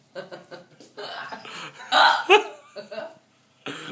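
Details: Woman, after a few drinks on a night out, hiccups repeatedly while trying to order a takeaway pizza; short abrupt catching sounds broken into speech and laughter: hiccups.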